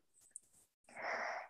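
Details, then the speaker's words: Pet dog Bendi sleeping during a lying-on-side yoga session: faint rustle, brief pause, then one rough, noisy nasal breath; snoring. "Может быть, если мой микрофон не гасит звук храпящего Бенди, то вы слышите, как храпит моя собака."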